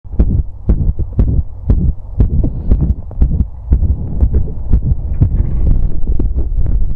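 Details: Visible apical heartbeat recorded with sound while pressing on the chest after outdoor exercise: strong, rapid low thumps around 120 per minute with rumbling noise, a fast post-exercise heartbeat.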